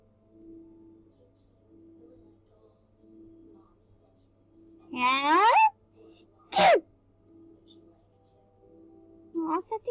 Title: Cute sneeze original meme